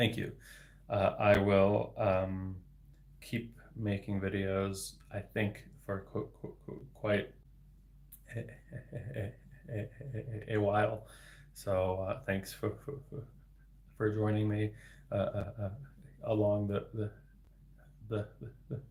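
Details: Adult man, a speech-language pathologist, with persistent developmental stuttering for 26 years since age eight, with repetitions and blocks of varying severity, speaking spontaneously in a real solo livestream; stuttering.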